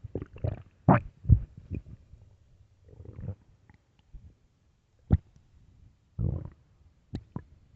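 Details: Irregular low gurgles and rumbles in bursts with quiet gaps between them: late-night stomach growling (borborygmi) from gas and fluid moving through the gut.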